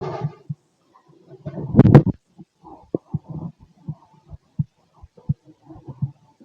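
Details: Heartbeat through a stethoscope on the chest: soft, dull low thumps, some in lub-dub pairs, mixed with gurgling bowel-like rumbles.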